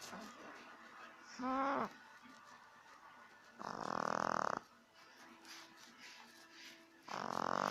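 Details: Week 8 recording: loud rasping snores recurring every few seconds during sleep, with quieter breathing between them; snoring.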